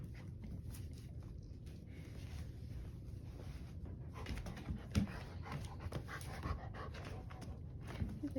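Fast, rhythmic open-mouth breathing with a few soft whimpers from a dog; panting.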